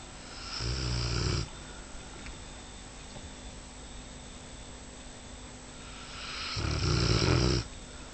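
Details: Bull Arab dog snoring: two loud, rattling snores about six seconds apart, roughly ten a minute, with quiet breathing between; ordinary dog snoring.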